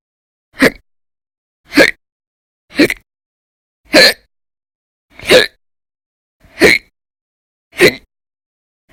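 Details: Eight sharp, abrupt gulping hiccups at a steady pace of about 50 a minute with silence between, from a run of violent, very loud hiccups in December 2019.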